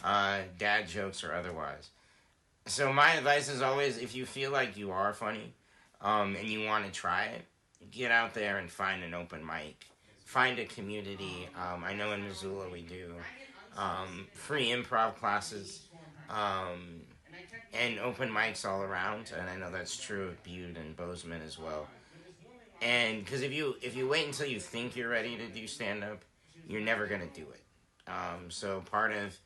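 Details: Adult man speaking in a small room; ordinary conversational speech.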